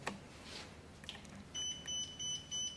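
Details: A click, then a series of high steady electronic beeps as a Zoll R Series Plus defibrillator powers on in a quiet room, during a demonstration before switching to manual mode; defibrillator power-on beeps.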